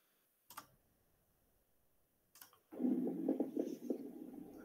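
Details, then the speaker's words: Lung auscultation through a stethoscope: bubbling, popping, harsher, lower-pitched crackles as air enters during inspiration, said to reflect denser secretions. Coarse inspiratory crackles. "Pero a veces ocurre que el ruido es más áspero, ¿no? Es más ruidoso. Son crepitantes, pero de un tono mayor. Son los crepitantes gruesos. Involucran para nosotros secreciones más densas."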